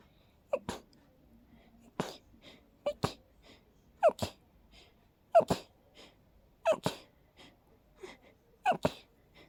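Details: Rapid sneezing induced by smelling daisies in a person extremely allergic to them: about seven short sneezes, each a quick intake then a sharp burst, roughly one every 1.3 seconds.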